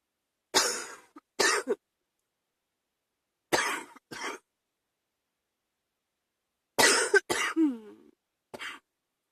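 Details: Evening cough from a chest cold: an adult coughs in three short bouts of two or three coughs each.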